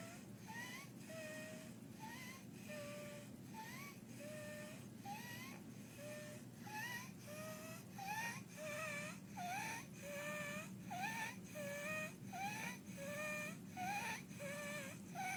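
Fast, noisy breathing with a high, musical crowing sound on each breath in, typical of croup stridor.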